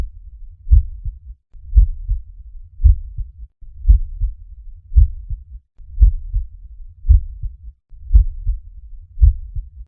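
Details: Steady paired lub-dub heartbeats at about 57 a minute, a normal pattern of first and second heart sounds.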